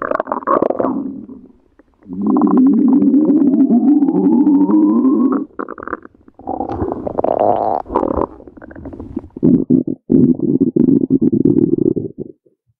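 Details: Long, loud gurgling and rumbling stretches from the stomach, with a rising whine and bubbling pulses; stomach growling (borborygmi).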